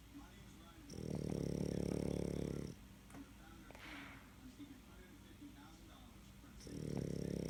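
Loud, rattling snore on each breath in, with quiet breathing between; a small dog snoring.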